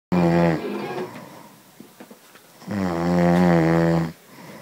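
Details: Adult man snoring: two loud, deep, vibrating snores on the in-breath with a quiet pause between them, typical heavy snoring.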